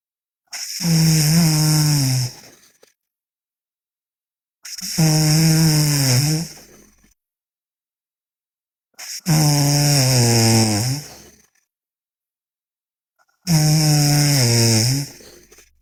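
Four long, loud, droning snores, evenly spaced at about 14 a minute, with silent pauses between; loud snoring in sleep.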